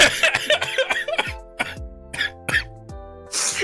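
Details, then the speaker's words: Adult streamer, sick and under the weather after a recent trip, coughing unmuted. "let me cough again but this time I won't mute myself so you can hear me like [ __ ] actually die"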